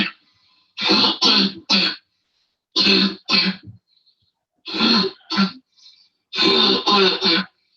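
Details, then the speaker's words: Child with habit cough (somatic cough syndrome), a functional respiratory disorder, in a home video while playing: repeated harsh, honking coughs in clusters of two or three. "And particularly, I'd like you to pay attention to the second one I'm going to show you, because the cough is rather subtle, and you have to watch and listen carefully."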